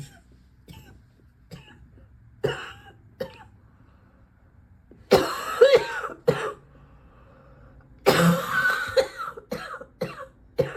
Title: #72 - more of this gross cough